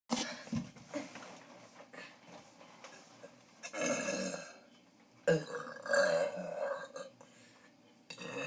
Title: Biggest burps part 4